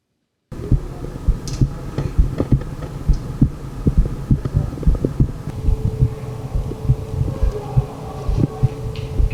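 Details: Heart auscultated with the stethoscope bell (MD One, compared with Littmann Classic III): soft low thuds at about 67 beats per minute with faint rubbing noise, normal heart sounds.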